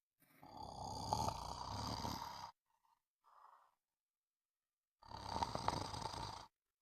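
Two long rough snoring breaths with a harsh fluttering rasp, separated by near silence; snoring.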